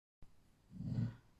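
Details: Snoring of someone, sleeping in a quiet room in the background: a single low, rumbling breath sound rises and fades over about a second.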